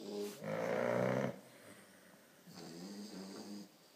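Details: Loud, buzzy, rattling snores alternating with quieter wheezy breaths from a 4-month-old English Bulldog puppy and an Alapaha Blueblood American Bulldog snoring together; dog snoring.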